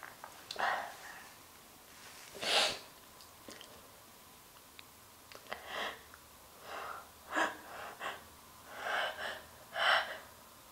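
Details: Deliberately induced sneezes: a run of sharp gasping inhalations and about six explosive sneezes, then a nose blow into a handkerchief.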